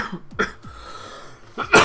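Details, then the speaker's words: Adult, currently sick, in a coughing fit like the first day of illness: two or three sharp, harsh coughs with quiet gaps between them; cough. "Now I don't know how long this stream will go on because um I just start having a crazy coughing fit like the first day I was sick as you can hear just like 5 minutes before the stream started."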